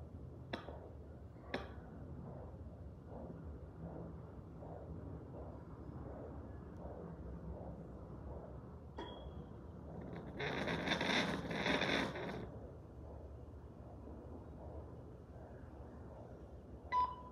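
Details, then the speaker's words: Faint, rapid rhythmic pulsing at about 140 a minute through a home Doppler at bedside: normal fetal heartbeat of the baby, while the mother is being treated for a urinary infection after an emergency visit. "eu fui tentar colocar o coraçãozinho do para vocês escutarem eu não sei se vocês vão conseguir escutar"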